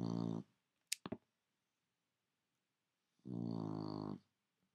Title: Tula roncando despierta